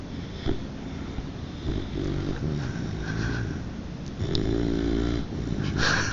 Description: Our French Mastiff @ 3 months old snoring